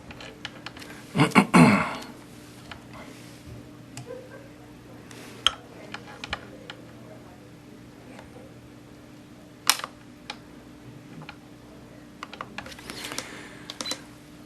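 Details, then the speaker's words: Sharp, irregular snapping clicks from YAG laser pulses over faint room hum, with a few louder handling knocks, during vitreolysis of a C-shaped Weiss ring floater; microphone sits right next to the laser. "One of the problems with video recording is with the camera setup, I have the microphone is sitting right next to the laser, so these little clicky, snappy things that we're hearing sound like you're blasting a photon cannon or something at it."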